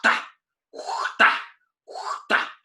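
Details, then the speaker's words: Systolic murmur: slow heartbeat with a soft whooshing murmur starting with the first heart sound and filling systole. "Então, começou soprando, é um sopro sistólico, certo?"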